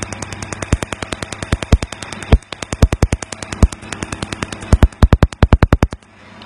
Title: Лазерное Удаление Татуировки. How Do Lasers Remove Tattoo.